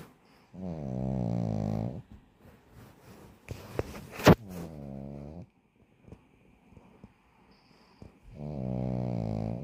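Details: Sleeping pug puppy giving loud, drawn-out buzzing snores on each breath, with snorting in between; snoring.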